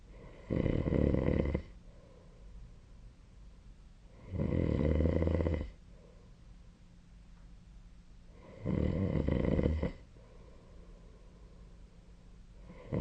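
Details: Snoring during sleep on 2025/03/10: three loud, rough snores about four seconds apart, around 14 breaths a minute, with soft steady breathing between them.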